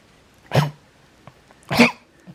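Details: Two harsh, honking coughs from a dog with congestive heart failure: a long-standing heart murmur, an enlarged heart on one side and fluid in the lungs on X-ray, later treated with furosemide and Vetmedin.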